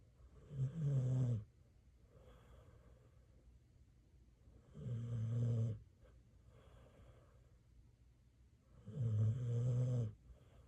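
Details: Pitbull dog asleep in bed, said to have a snoring problem; three low, rumbling snores about every four seconds with quieter breaths between, roughly 14 breaths a minute; snoring.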